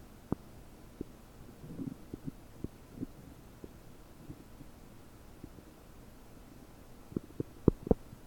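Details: Stomach noises about 9 hours after eating 30 prunes, recorded with a desktop microphone, belly bubbly and bloated: scattered soft gurgles and clicks with a few louder pops near the end; borborygmi.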